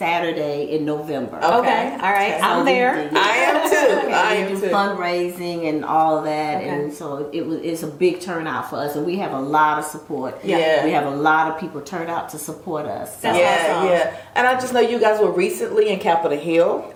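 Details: Adult woman in conversation; normal speech.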